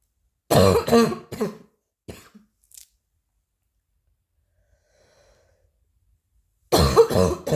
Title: new cough 2